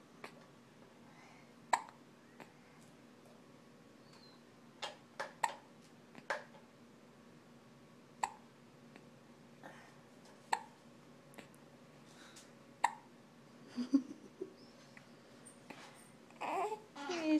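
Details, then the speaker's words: Infant hiccuping repeatedly, short sharp clicks about every one to two seconds; hiccups. "you got the hiups say yeah i got the hicups ooh they're annoying huh you don't like those hicups me"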